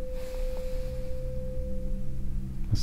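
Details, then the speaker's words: Steady pure ringing tone of a tuning fork placed on the mastoid process then brought forward during a Rinne hearing test, in a simulated ear exam role play recorded binaurally: tuning fork tone. "Do you hear it? Yes. Okay, let me know when you stop hearing it. I stopped."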